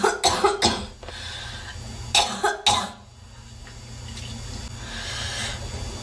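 Two bursts of three to four quick, harsh coughs each, with a steady hiss of room noise behind them.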